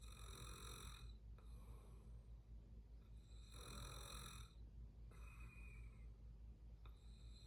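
Rhythmic rattling snores on each breath, about four in seven seconds, over steady low background hum; ordinary snoring during sleep.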